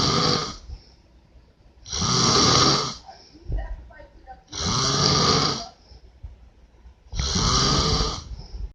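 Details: A father's loud, rough snoring on each in-breath, about four cycles in nine seconds, with quieter out-breaths between; loud snoring.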